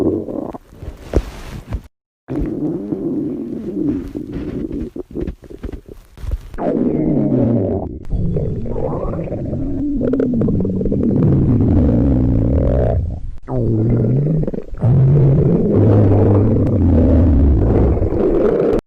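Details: Young women recorded in a quiet room after a 24-hour fast: long, loud, low gurgling and rumbling stomach growls with shifting pitch; hunger borborygmi.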